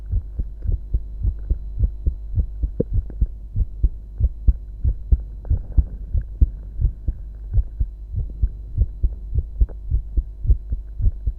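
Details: Adult male heartbeat: strong, steady low heart thumps repeating evenly over a faint constant hum, a normal heartbeat.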